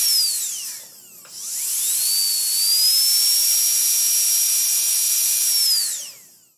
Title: Dentist Drill Start, Various Runs, Stop Hospital, Medical & Dental Equipment Copyright Free #shorts